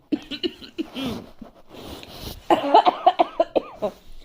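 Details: Adult sick with a cold for five days: several short, harsh coughs, followed by a burst of laughter.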